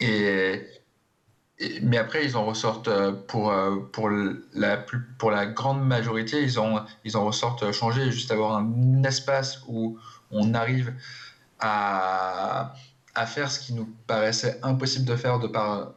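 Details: Adult man who stutters, speaking in a French TV interview; syllable and word repetitions audible; stuttering.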